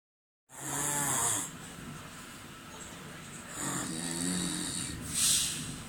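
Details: Snoring during sleep: two rough, rumbling breath sounds separated by a pause, from a person who has fallen asleep.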